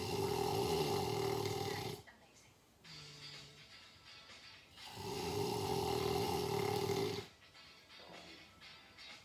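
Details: Two long, loud, rattling snores separated by quieter exhalations, with faint music in the background, recorded to play as sleep company. Snoring.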